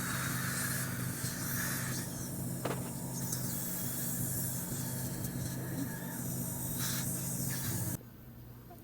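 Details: Loud hissing air-water spray and steady suction with a low motor hum that stops abruptly, from dental equipment in an office while a dental assistant works on a patient receiving a filling.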